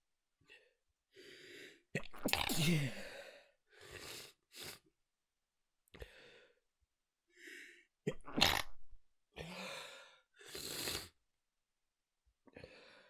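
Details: Person woken in the morning by a persistent nose tickle, trying not to wake anyone: a run of stifled, muffled sneezes with sharp inward gasps between; suppressed sneezing.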